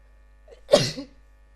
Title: sneezing 2